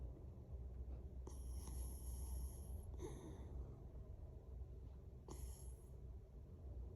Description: This little woofy in all her hair cut needing glory was snoring and having a dream while laying with daddy gotta love this 😎